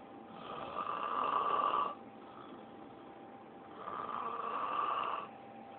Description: This Guy got piss drunk and fell asleep. He snores like a beast.